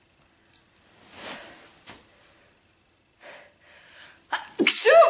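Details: Woman sneezing with nose itching, during a long sneezing bout: breathy inhalations and soft exhalations build to a loud, sharp sneeze near the end.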